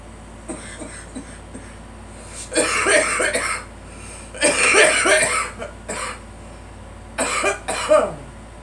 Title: Girl coughing